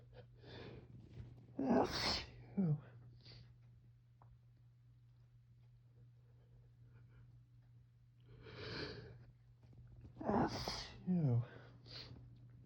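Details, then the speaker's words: Person with fall allergies, woken by sneezing in the morning with an itchy nose, suspecting mold from dead leaves or ragweed: two paired sneezes, each a sharp indrawn breath then an explosive burst, in a quiet room. "I wasn't uh having any allergy flare ups and then I'm going to sneeze. Got to sneeze."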